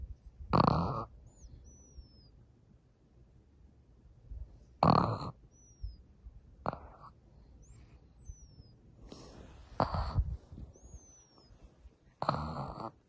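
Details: 10-week-old baby snoring loudly: five loud, rough, noisy breath bursts at irregular intervals, with birds chirping in the background.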